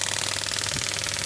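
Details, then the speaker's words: Biotronix pneumatic radial extracorporeal shockwave therapy (ESWT) device, up to 10 bar, with the probe's operation button pressed and shot counter running: rapid, evenly spaced mechanical pulsing, a fast buzzing rattle of the probe firing repeatedly. "this is the operation button in the prop like I have to press the same you can see I'm getting this you can see the number of shots coming"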